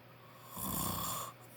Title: My dad snoring loud